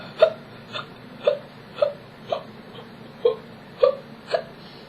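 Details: Chronic hiccups, persistent enough to await a neurologist visit, now reduced to these sounds, recorded during about a minute of pausing to hiccup.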